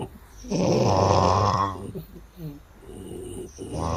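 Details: Adult man (baby's father) snoring loudly near a baby who couldn't sleep: deep, rumbling snore over a second, then quieter breathing and another rising snore.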